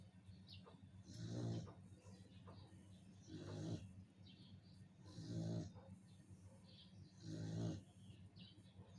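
Soft, low, rattling snores repeat about every two seconds, roughly 29 a minute, over quiet room noise: ordinary snoring.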